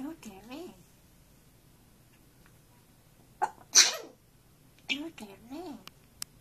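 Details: African grey parrot, after about 1:30 of trying to sing "You Are My Sunshine", gives short whistled calls broken by a sharp, hissing burst: a small bird sneeze.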